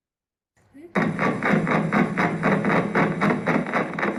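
Regular crackling bursts repeat about four times a second over a steady electrical hum, like marching footsteps: myokymic discharges on EMG.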